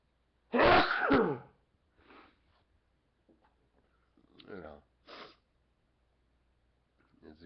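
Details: Adult man sneezing while talking: one loud, forceful sneeze, then quieter breaths and small vocal sounds in a quiet room.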